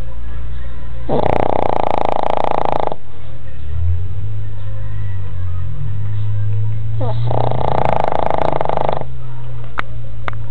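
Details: A sleeping dog gives two loud, rattling snores on the in-breath about six seconds apart, with quiet low breathing between. Heavy snoring.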